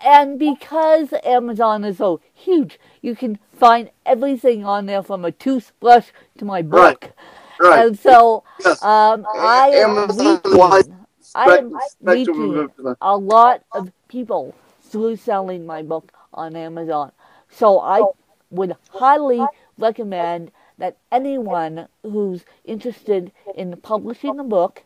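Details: Adult woman with cerebral palsy who uses a walker, described as having less speech impediment than her co-host, also with cerebral palsy; mild dysarthria.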